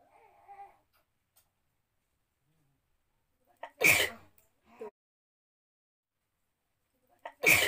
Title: Most requested sneezing challenge video//easy tarika sneezing ka